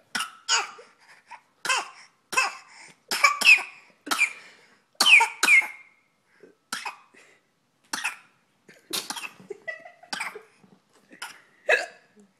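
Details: A 5-month-old baby's voluntary fake cough: a string of short, breathy cough-like bursts made on purpose as play, not illness.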